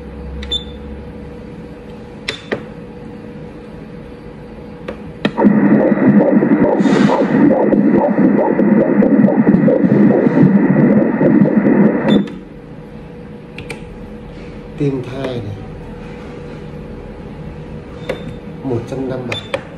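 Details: Fetal heartbeat on Doppler ultrasound at 35 weeks of pregnancy, male fetus with estimated weight about 2.3–2.4 kg and cord around the neck noted: fast, regular whooshing pulses near 157 a minute, a normal fetal heart rate.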